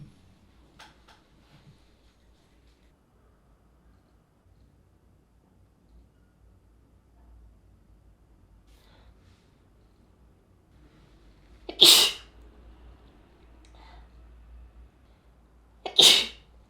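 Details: Two loud, explosive spray sneezes about four seconds apart, each preceded by a quick inward breath, in a quiet room, from someone with a sensitive nose and severe hay fever.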